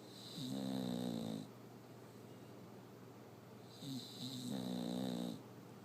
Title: Bulldog snore